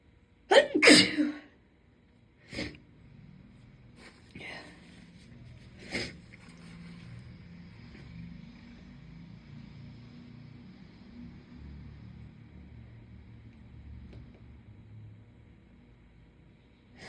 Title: Super Strong Induced Sneezes (f)